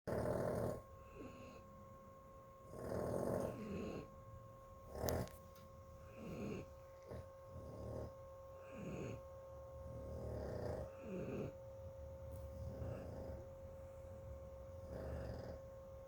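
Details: Pet dog snoring: repeated rough, low snoring breaths about every two to three seconds, with a steady hum in the room.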